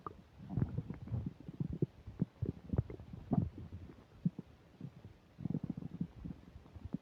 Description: Had a burger and fish fries, as I eat them, you can hear my stomach OBLITERATING everything. this is the rumbliest and loudest my tummy has been on camera forever (so far)